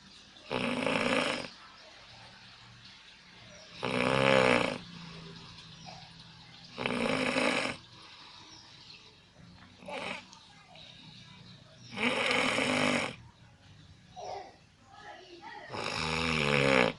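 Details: Loud, rough, rattling snores on each in-breath, about five in seventeen seconds with quiet pauses between, from a sleeping person recorded on an Alcatel Onetouch Flash Plus phone.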